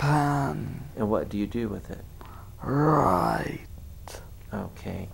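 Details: Adult male speaker; ordinary speech.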